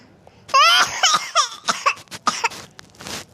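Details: Child (Kayla), currently ill, coughing: a run of several quick coughs with voiced, squeaky onsets and breathy trailing.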